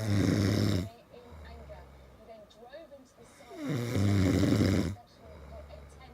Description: My hubby keeps me awake all night with this !! Seriously needs to see a doctor or something before I go crazy 😂😂